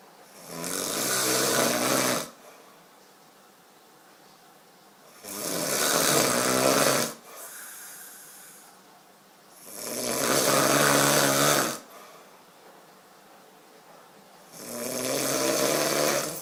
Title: Me Snoring lika boss